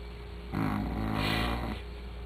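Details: A pet's snore: a single loud, rattling snore lasting about a second, with a low fluttering buzz, over steady room hum.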